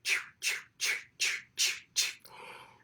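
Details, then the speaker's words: Adult's voiced imitation of a fetal heartbeat heard on an ultrasound machine during pregnancy: six rapid, regular whooshing beats at about 150 a minute. "we'd look for the baby's heartbeat, which sounds like this."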